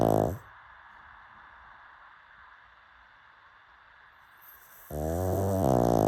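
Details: Sleeping pug dog snoring: loud, rattling, buzzy snores on the in-breath, separated by a few seconds of quieter breathing out.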